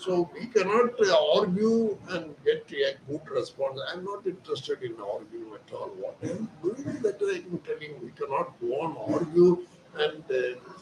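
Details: Adult man speaking Hindi, voice problem since childhood; surgery advised elsewhere, instead after 4 days of voice therapy exercises, reports improved voice; puberphonia.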